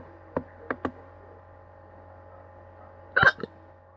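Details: Three short, sharp hiccups, then a louder one with a small follow-on catch, over a quiet, steady room hum; hiccups.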